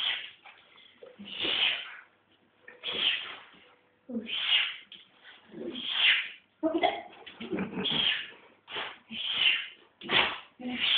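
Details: Dog sneezing: a fast run of about ten short, sharp, hissing sneezes with little pause between them; repeated sneezing.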